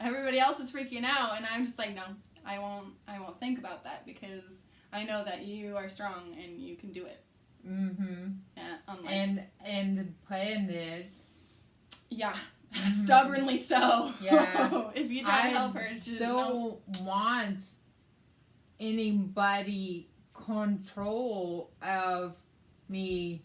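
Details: Adult woman with aphasia after a hemorrhagic stroke on May 19, 2020, treated with brain surgery; also has right-side hemiparesis; her aphasia also affects reading and writing.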